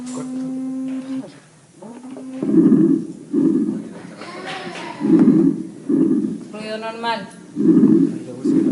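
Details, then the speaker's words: Lung auscultation with wheezes in both inspiration and expiration: musical whistling tones over repeated breath sounds, signaling narrowed airways. "las anteriores eran inspiratorias y espiratorias en los dos tiempos"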